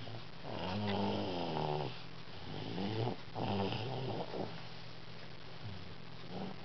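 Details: A 2-year-old child snoring, sound only.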